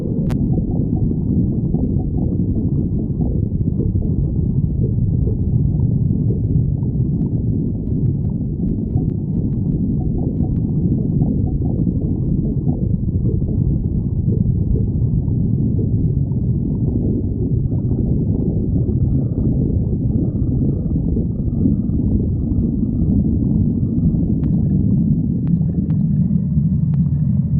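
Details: Stomach growling (borborygmi): continuous low rumbling and gurgling from the abdomen.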